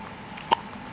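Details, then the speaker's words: Newborn's first hiccups outside the womb: one brief, sharp, click-like hiccup against quiet room background. "you got the hiccups got their first set of hiccups outside of the belly"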